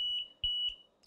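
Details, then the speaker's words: Repeated high-pitched beeps: the low minute volume alarm of an LTV 950 home ventilator, triggered in a demonstration when minute volume drops below 1.5, meaning the child is getting less air than recently. "saying low min volume because your child is not receiving the amount of air that the Machine has seen them been receiving recently"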